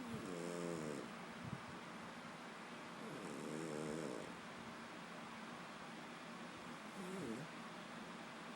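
Three buzzing, slightly whistling snores about every three seconds, roughly 20 breaths a minute, over steady background hum; ordinary snoring.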